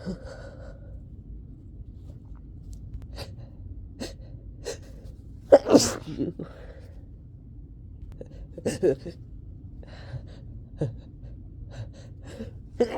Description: This was a recording from a summer cold I had, and I just couldn't stop sneezing. This was the worst of it